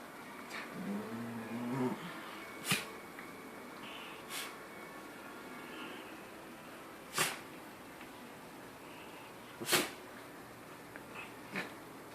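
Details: A small rat terrier gives about five short, sharp sneezes spaced a few seconds apart in a quiet room.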